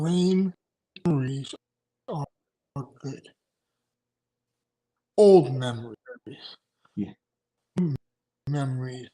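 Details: Aphasia in an adult male after two strokes in November 2017, including a hemorrhagic stroke, with short-term memory problems, right-sided weakness, an unusable numb right hand and ten seizures since the stroke.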